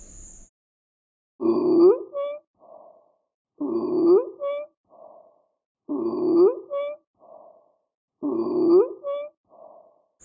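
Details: Stridor in a teaching recording of lung sounds: a harsh, high-pitched gasping sound on each breath in, at about 26 breaths a minute.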